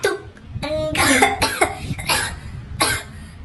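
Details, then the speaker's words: Acted cough by a child in a comedy skit: run of loud coughing bursts with voiced tails. "tuh kan bener batuk tadi enggak batuk-batuk terus"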